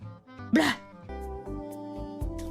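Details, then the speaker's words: A female VTuber sneezes once during a livestream: a single loud, explosive sneeze over background music, followed by speech. "I'm going to sneeze. Excuse me. Bless me."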